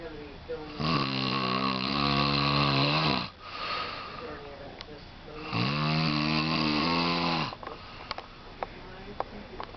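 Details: Dad snoring during work: two long, loud, rattling snores on the in-breath, separated by quiet pauses about four seconds apart; ordinary snoring.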